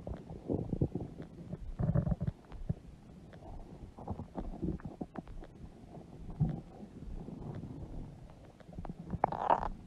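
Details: Low, irregular gurgling and rumbling with bubbly pops from a woman's large belly; stomach growling (borborygmi).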